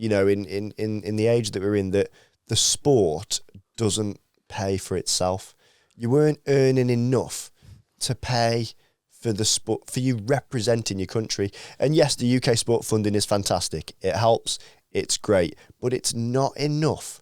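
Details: Adult man speaking in conversation; Normal conversational speech.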